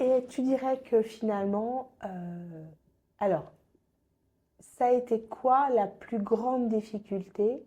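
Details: Adult woman; normal speech.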